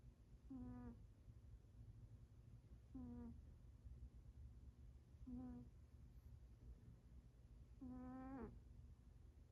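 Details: Four high, squeaky, toy-like tones, one per breath at about 24 a minute, over low room hum: snoring in a sleeping cat.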